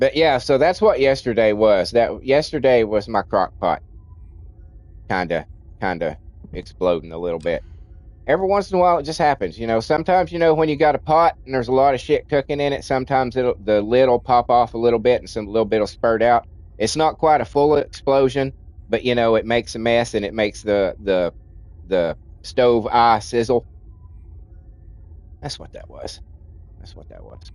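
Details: Adult man with a childhood speech impediment, treated with speech classes in kindergarten and first grade, who says it is milder now but audible when he talks a lot: stuttering.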